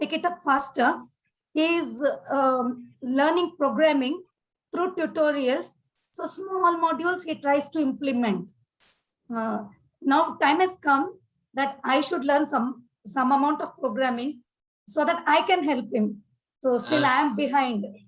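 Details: Adult woman speaking; Normal speech.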